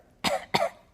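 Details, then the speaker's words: Simulated: an adult imitates children with whooping cough coughing, producing two short, sharp cough bursts; cough. "I'm going to need you guys to understand cough syrup and cough drops for your whooping cough children who are coughing in my mouth"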